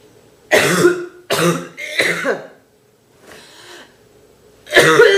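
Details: Four harsh, forceful, rattly coughs in quick succession from a girl with a bad cold; heavy, deep, painful coughing fits, described as real and natural.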